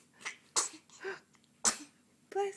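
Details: Baby sneezing repeatedly: a run of short, sharp sneezes with quick breaths between them and a voice saying bless you; sneezing.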